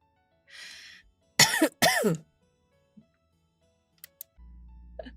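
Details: Two loud, harsh coughs in quick succession from a woman who says she is sick, voice affected, not yet seen a doctor; electronic sounds and low background hum around them.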